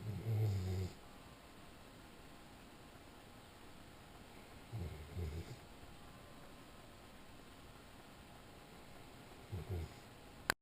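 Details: Sleeping Weimaraner dog snoring: three low, rumbling snores about five seconds apart, roughly 13 a minute, over quiet room noise; snoring.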